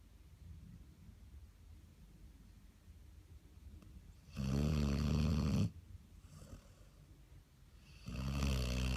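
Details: Dog snoring: two loud, low, rumbling snores separated by quiet breathing; ordinary snoring.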